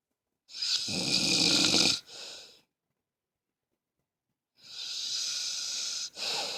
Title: Snoring(1)